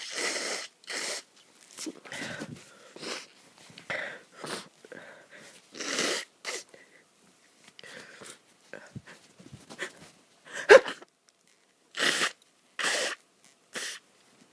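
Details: Repeated short bursts of sneezing and sniffing in a small room from someone who woke up stuffy and has grown sniffier through the day; possibly a cold or allergies.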